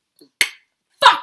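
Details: Adult woman with adult-onset Tourette syndrome, motor and vocal tics; loud vocal noise right after a sworn word; vocal tic.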